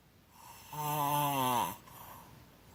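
One loud, buzzing, rattling snore on the in-breath, with mouth open, between quieter breaths.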